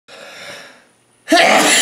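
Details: A single sneeze: a drawn-in breath followed by a sudden, loud, explosive burst of air.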